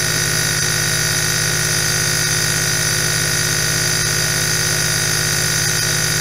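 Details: Steady mechanical buzz with a fast, even pulsing and a hiss of airflow, the continuous sound of a running nebulizer.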